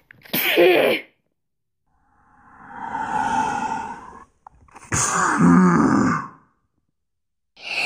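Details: Woman deliberately forcing herself to sneeze, from a compilation with some clips edited: three loud voiced sneezes, each with a drawn-out wind-up before the burst.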